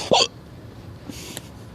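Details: A single sharp, abrupt gulping sound from an adult with ongoing hiccups, followed by quiet room noise: a hiccup.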